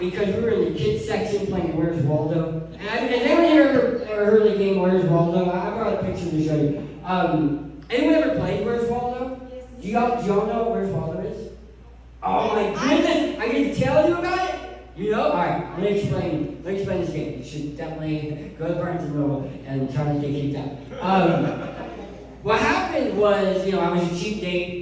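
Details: Adult man who lost 80% of his tongue to cancer, with a permanent articulation disorder after partial glossectomy.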